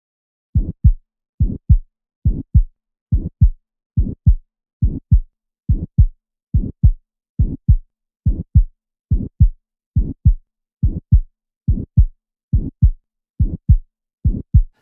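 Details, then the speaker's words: Aortic stenosis: systolic crescendo-decrescendo murmur loudest at the right second intercostal space. Regular heartbeat near 70 a minute with a harsh murmur filling systole after S1 and ending at S2. "if you can tell this is a systolic murmur that's loudest in the aortic position the right second Inner Space you should be able to guess that it's aortic stenosis"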